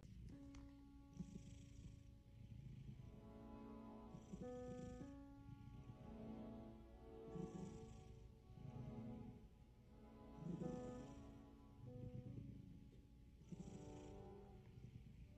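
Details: Soft, rhythmic snoring breaths from a sleeping pet cat, about 20 a minute, under steady background music.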